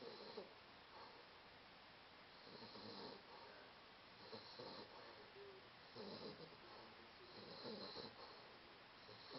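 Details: 16½-week-old napping and snoring: steady, rhythmic, rough fluttering noise about every 1.5 seconds, roughly 36 per minute, against quiet room noise. Snoring.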